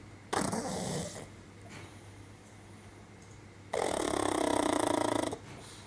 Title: Snoring Pug - Sony a6300 SEL 50mm 1.8